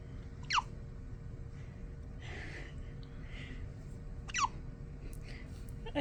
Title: Newborn Hiccups